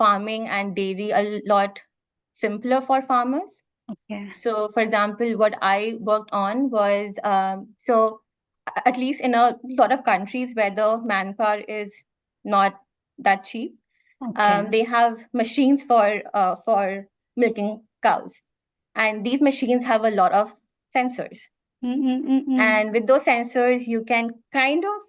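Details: Stammering in an adult woman, real speech.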